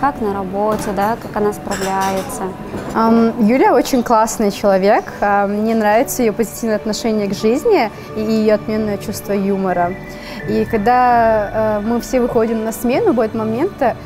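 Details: Adult woman speaking Russian; typical speech.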